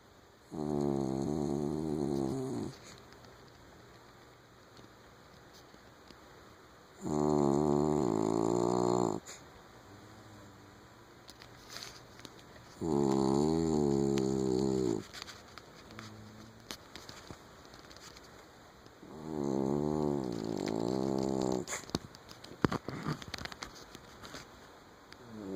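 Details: A sleeping pet snoring in four rhythmic, fluttering bursts about nine times a minute, with quiet pauses between.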